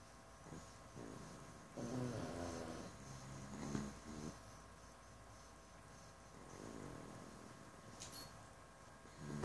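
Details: Pug deeply asleep, snoring: soft snorting, rattling snores with a humanlike tone over a steady room hum.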